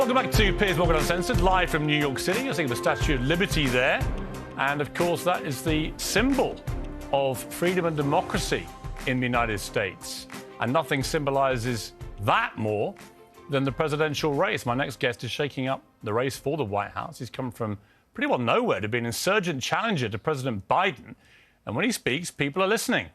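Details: Adult male speaker; normal voice.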